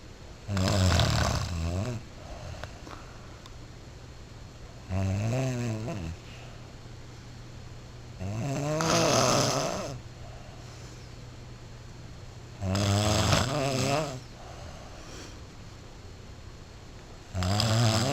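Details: Deep, vibrating snores on each in-breath, about 14 breaths a minute, with quiet out-breaths between: regular snoring.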